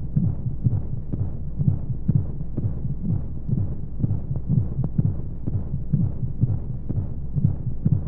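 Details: Womb-sound sleep aid for babies with white noise: steady soft low heartbeat thumps at about 125 a minute over a constant whooshing hum, as heard from inside the womb.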